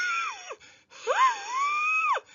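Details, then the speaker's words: Imitated asthmatic wheeze: two high, musical squeaks at the end of expiration, from partially blocked or narrowed bronchioles; also heard prominently through the stethoscope. "you'll hear somebody with asthma wheeze you know what happens at the end of their expiration"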